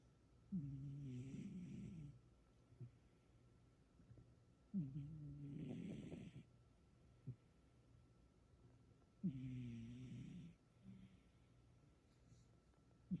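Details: Female cat asleep and dreaming: three rattling, fluttering snores on the in-breath, roughly 13 a minute, with quiet pauses between: snoring.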